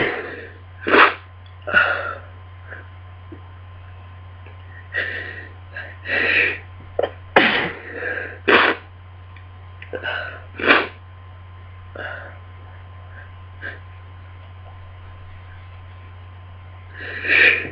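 About ten sharp sneezes come in quick succession with sniffs between them, a sneezing fit during a head cold.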